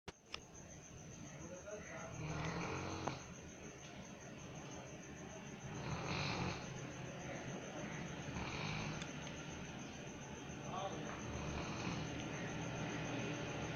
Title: Dog snoring like humans